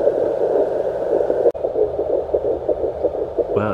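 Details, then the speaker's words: Home fetal Doppler in a twin pregnancy gives rapid, regular whooshing pulses at about 170 a minute (readings 175, 172, 168): the first time the parents hear the baby's heartbeat, with normal fetal heart tones. "No, this is the first time hearing the baby's heartbeat."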